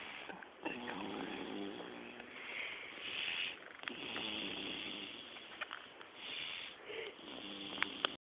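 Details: Baby girl snoring while asleep: nasal, whistling breaths with snuffling sounds.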